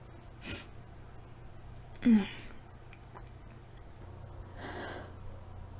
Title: Tickly Sneezes at night